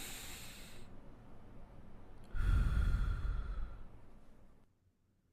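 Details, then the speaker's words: Deep inspiration heard as vesicular murmur over the chest wall, best in the axillary region: soft, low-pitched sound produced by alveolar distension as air enters. "Es provocado por la distensión de los alvéolos con la entrada del aire. Es un sonido suave y de tonalidad baja."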